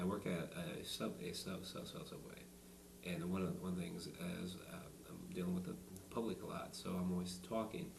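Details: Adult man who stutters, in a demonstration of the SingRite device; stuttering.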